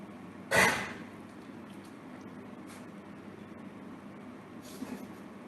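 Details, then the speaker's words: Dog with a cough of respiratory origin, not cardiac: a single sharp, harsh cough burst, then a fainter second effort, played as a teaching example in a veterinary clinical medicine practical. "and this is also another coffin all right but this one for this dog was also a respiratory cough okay"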